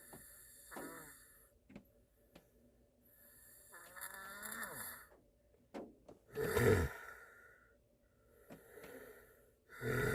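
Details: A Korean boyfriend asleep in a car on a snowy day snores in irregular rattles with quiet gaps, about 18 breaths a minute, with rain sounds in the background; ordinary snoring.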